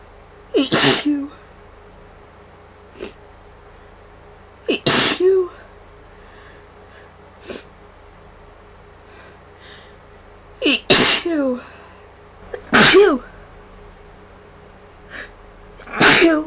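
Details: Person with allergy-like sneezing after a day around many vases of funeral flowers, antihistamine worn off and runny nose: five loud, explosive sneezes in quick succession, each led by a short indrawn breath.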